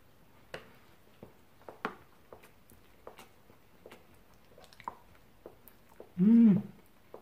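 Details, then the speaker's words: Jaw (temporomandibular joint) clicking while chewing a spicy burger: sharp, regular clicks about every half second, then a short hum. "j'ai ma mâchoire qui craque je sais pas si vous entendez"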